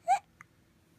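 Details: Infant awake on a Sunday morning: one short, abrupt high-pitched squeak with a faint click after it, a single hiccup.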